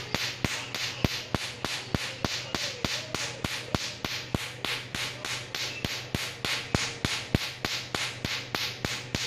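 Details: Rapid, regular sharp snapping clicks, about 200 a minute, over a low hum from a tattoo removal laser firing pulses during a tattoo removal session.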